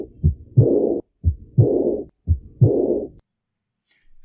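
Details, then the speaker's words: Aortic regurgitation murmur at the aortic focus, a harsh characteristic murmur occurring right after S1, best heard with the patient seated and leaning slightly forward. "lembrar que ele é um sopro Rude então ele é um sopro muito característico Claro geralmente ele é mais audível com o paciente sentado se você inclinar um pouquinho o paciente paraa frente fica um pouquinho mais [Risadas] fácil"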